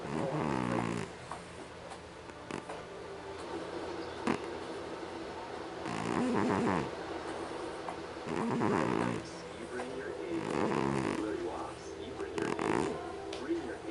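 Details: Snoring from a sleeping person: irregular rough, rattling breathing noises in bursts roughly every two seconds.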